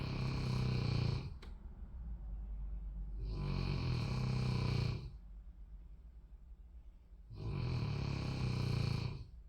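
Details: A boy snoring during a nap: three long, deep, rumbling snores about three seconds apart, roughly 20 breaths a minute; steady, loud snoring.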